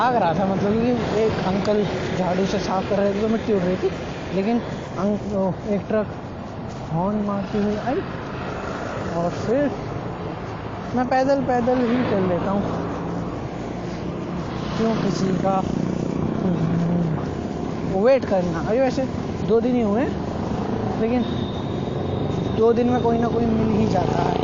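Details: Male Hindi speaker doing daily speaking practice for his own stuttering (stammering); stuttering.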